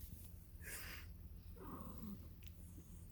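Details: Newborn kittens only days old, sneezing while nursing from their mother cat: two tiny, soft kitten sneezes over a low background hum.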